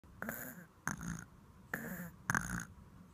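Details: A sleeping dog on its first night snores with rough, rattling sounds on both breathing in and out, about 40 breaths a minute.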